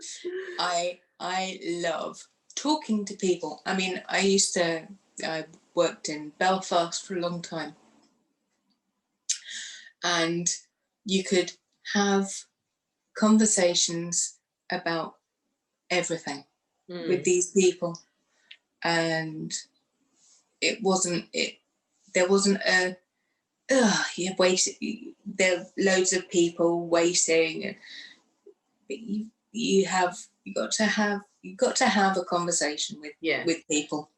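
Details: Woman who had a stroke two days after a hysterectomy in 2018 at age 44, could not speak afterwards and now lives with post-stroke aphasia; aphasia with word-finding difficulty.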